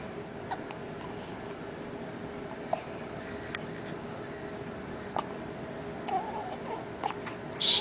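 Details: Baby on day 4: faint, brief, sharp hiccup clicks recurring about every one to two seconds, roughly five in all, over quiet room noise; hiccups.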